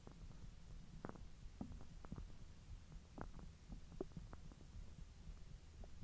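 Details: Belly recorded after eating hotdogs following 10 hours of an empty stomach: quiet gurgles and low rumbling pops over a steady hum, ordinary digestive bowel sounds (borborygmi).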